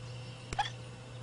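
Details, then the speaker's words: Baby bat hiccuping while being spoon-fed, drinking too fast: a single brief, sharp squeaky hiccup over steady room hum. "don't drink too fast except the hiccups the bat has the hiccups"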